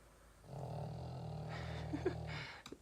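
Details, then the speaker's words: A small pet pug, asleep nearby, snores: a single long, low rattling snore with a couple of soft clicks near the end; ordinary snoring. "can hear my little pug snoring"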